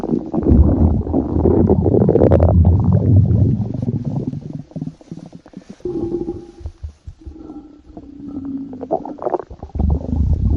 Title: (ARCHIVED) Stomach Growling